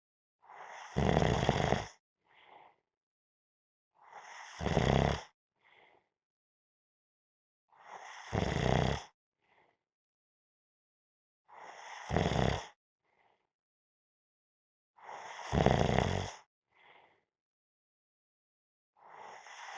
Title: Napping -Snoring Sounds